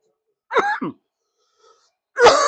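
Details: A streamer during an NFL wildcard watch-party livestream gives a harsh double cough, pauses, then gives another forceful cough; part of a coughing fit.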